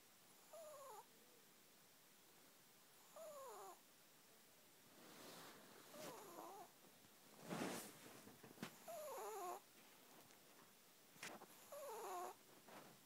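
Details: Light snoring in sleep: soft, regular nasal breaths with a whistling, squeaky tone on each breath, a few seconds apart.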